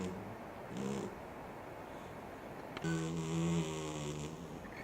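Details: Cat snoring so loudly it wakes himself: loud, low rattling snores from a sleeping cat, a short quiet snore before a longer, louder one.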